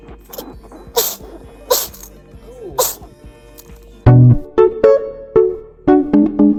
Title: Cat sneeze. #funny #funnypet #cat